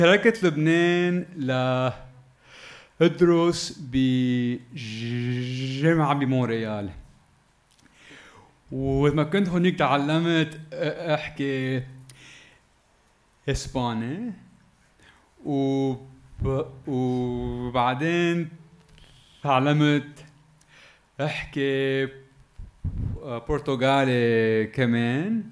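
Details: Adult man who stutters and grew up in Lebanon, performing stand-up comedy; stuttering.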